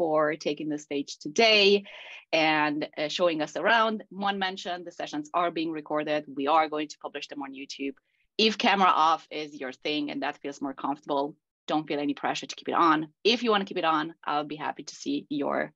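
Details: Adult speaker; normal voice.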